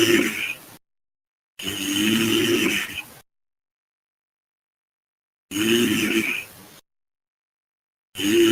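Harsh, crackling, sizzling snores with silent gaps between them, a rough frying quality.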